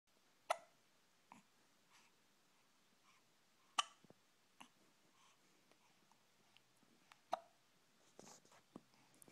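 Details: Hiccups: a few sharp clicking gulps at irregular intervals, about three clear ones in nine seconds, in a quiet room.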